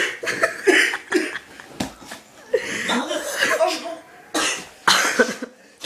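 A rapid run of sharp, explosive sneezes mixed with breathy laughter; repeated sneezing.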